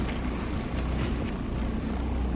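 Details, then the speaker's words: Portable high-frequency chest wall oscillation vest, used daily for cystic fibrosis airway clearance, running with a steady low rumbling hum; its vibrations shake loose mucus stuck in the lungs so it can be coughed out. "it sends vibrations into your chest walls and helps shake up your lungs and shake loose the Meuse the mucus secretions that get stuck to the laws of the lungs to help you coffee it out better this one isn't very loud but I can turn it on you guys might be able to hear it a little bit"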